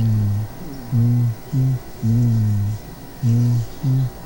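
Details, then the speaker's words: Auscultation of normal vocal resonance: patient with normal lungs saying "99", voice heard muffled and unintelligible through the chest wall. "cuando le pedimos que diga 99 en un paciente con pulmones normales se escucharía hace 1"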